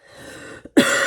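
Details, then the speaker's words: Adult recovering from flu, still with a heavy cough: after a soft breath and brief catch, one loud, harsh, forceful cough. "Comme vous entendez, j'ai encore une grosse toux. Donc, c'est pas super évident."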